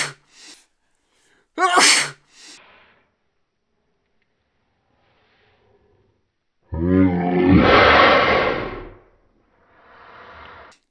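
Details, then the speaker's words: Man deliberately trying to make himself sneeze while keeping his eyes open, after straining and blowing his nose: quiet breaths, then a sharp inward catch and one loud, drawn-out sneeze with a voiced onset. "there were come on wait we got one sneeze it burs so it I think one of my eyes was open I'm not sure"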